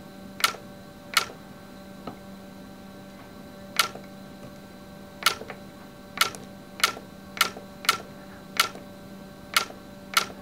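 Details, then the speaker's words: YAG laser vitreous floater treatment: sharp regular clicks of laser shots over a steady hum, a normal sound during treatment. "now you're going hear some clicking sounds this is normal okay no worries here we go"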